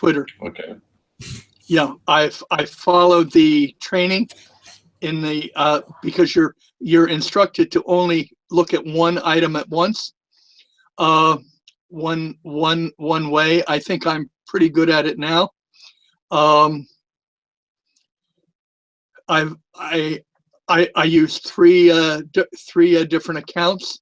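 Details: Long-standing stuttering with a lisp in a retired adult man; he says both are more noticeable with the microphone close to his mouth.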